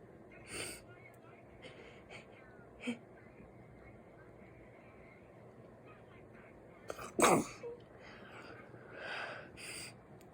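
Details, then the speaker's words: Person with a naturally deep voice deliberately trying to make a cute, girly sneeze: quiet breaths, then one sharp explosive sneeze burst and faint breathy sounds after. "I'm trying to sneeze. Oh. I'm trying to make them sound all cutesy and I don't know, I can't do it right."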